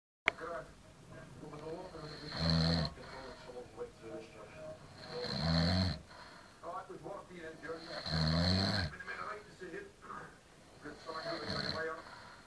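Four deep, rumbling snores about every three seconds, over faint background talk; loud snoring.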